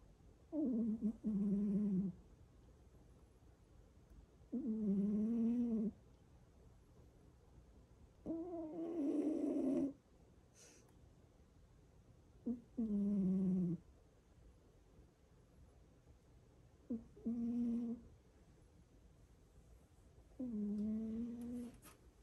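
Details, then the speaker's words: A sleeping pet cat snoring in steady, tonal bursts, about 15 a minute, with quiet pauses between. "뭐 이렇게 코를 씩씩 골면서 자?"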